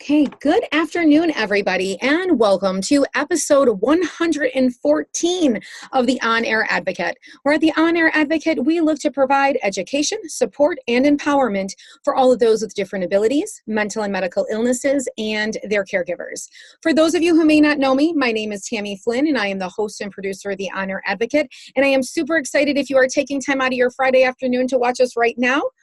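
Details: Adult woman; typical speech.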